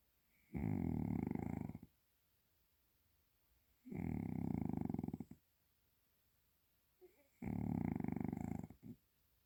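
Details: Three deep, loud, rattling snores from a sleeping cat, each lasting over a second, at about 18 breaths a minute with quiet pauses between.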